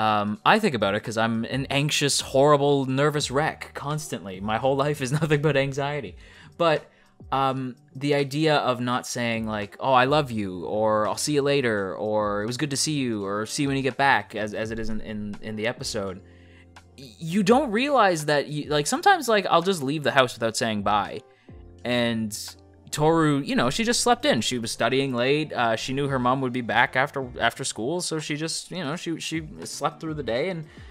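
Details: Adult male who self-reports stuttering; sound and word repetitions heard throughout the clip, consistent with stuttering.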